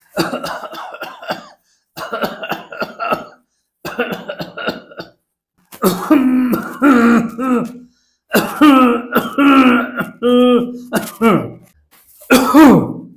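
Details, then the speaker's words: Cough demonstrated to show that the sound of a cough hints at its type, such as bronchial asthma, tracheitis, pharyngitis or COPD. "मैं यही बताना चाहता हूं कि खांसी की आवाज सुन के आप बता सकते हैं कि कौन सी टाइप की खांसी है।"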